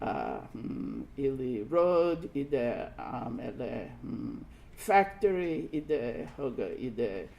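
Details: Broca's aphasia imitated by a lecturer portraying a trilingual Kannada-English-Hindi speaker telling a picture story; effortful speech with English nouns mixed into Kannada and repetitions.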